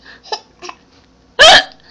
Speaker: oh no you have the hiccups too oh those rotten hiccups